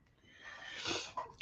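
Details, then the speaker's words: A sleeping pet snoring full-on: a single hissy, rasping breath, a harmless snore. "can you hear Milo snoring blessing look you ready come up with me look [Laughter] he's like literally full-on snoring"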